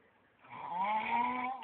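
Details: Sleeping man snoring, with onlookers cheering him on; a single loud, drawn-out snore with a rough, voiced, almost bleating tone on the in-breath.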